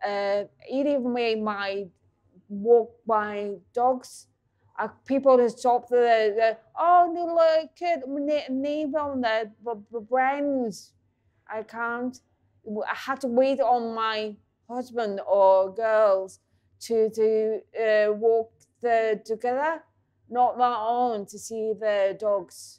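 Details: Adult woman with aphasia caused by a stroke at age 44, about six years earlier; aphasia.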